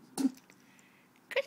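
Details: A cat sneezes on command as a newly learned trick: a short, sharp, breathy burst, then a brief second burst.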